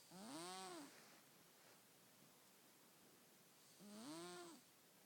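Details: Two soft, tonal, whistling snores about four seconds apart, with quiet breathing between: ordinary snoring from a sleeping cat.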